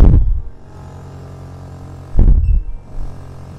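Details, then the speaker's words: Chinese-medicine suction massage device in alternated suction mode C: low pump hum with bursts about two seconds apart as suction cycles on and off. "so the moment is c alternated suction so it sucks and it stops i'm gonna put up b so it sucks and it stops the frequency is a bit lower"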